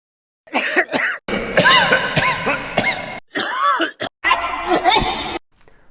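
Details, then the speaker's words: Series of loud coughs recorded from different people, varying in pitch and character, some throaty and some harsh, illustrating different cough types. "अपने क्या यह सारे खांसी के आवाज आपको एक जैसे सुनाई दे रहे थे नहीं चाहिए अलग-अलग लोगों के वॉइस रिकॉर्डिंग से"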